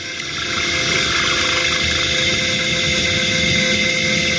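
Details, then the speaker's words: Zygomatic implant hands-on demo on a maxilla model: steady high-pitched surgical drill whine as the drill barely advances in dense bone before switching to a sharper drill; surgical implant drill. "if you see and my drill is hardly drilling inside. Is that dense? Let me just switch to the Norris drill, which is much more sharper."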